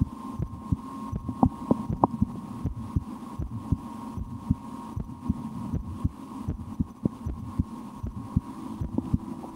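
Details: Soft, steady low thumps of a resting heartbeat over a constant hum, heard through a stethoscope on the speaker's own chest; she holds her breath at times and tries to speed her heart up; normal heart sounds.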